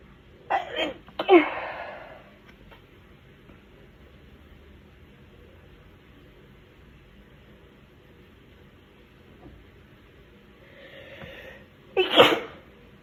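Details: Induced sneezes: several sharp sneezes, two in quick succession near the start and one more after a quiet pause, in a quiet room; sneezing.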